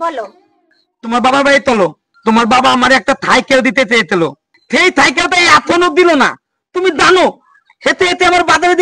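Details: Acted stutter by a male son-in-law character in a Bangla comic drama: stuttering (acted)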